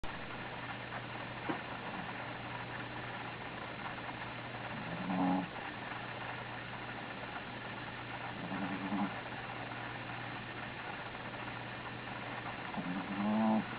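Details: Sleeping Belgian Griffon dog gives short, low, nasal snorting snores about every four seconds over a steady background hum: snoring (stertor).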